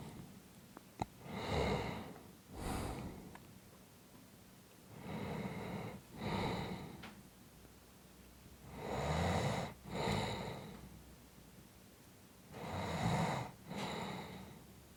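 Deep rattling snores on each breath, in and out, about 16 breaths a minute with quiet gaps between; snoring.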